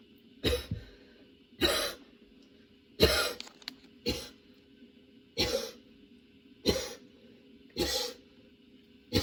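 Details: Person with a sudden, very long coughing fit that brought tears and kept worsening while they changed positions: about seven harsh coughs in nine seconds in a steady string.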